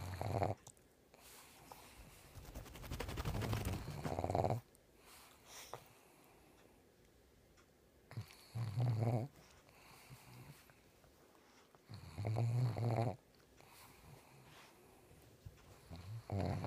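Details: Zoey snoring too loudly: loud, low rumbling snores about every four seconds, roughly 16 a minute, with quiet breathing between; recorded on a mobile phone.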